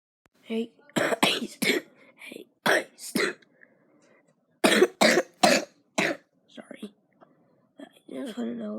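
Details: A person with a worsening illness and a squeaky voice coughs repeatedly: harsh coughs in short clusters of two to four, with brief voiced sounds between and after.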